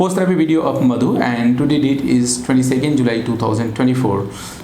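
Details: Adult man speaking; Normal adult male speaking voice.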